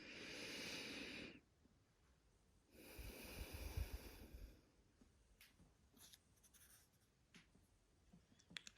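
Soft, even breath sounds during deep breathing over the lower front chest, with no wheezes or crackles: a normal finding.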